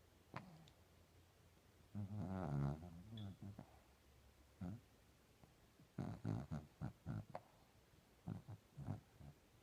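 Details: Quiet, irregular snorts and rumbling breaths with short pauses from a sleeping pet dog; light snoring.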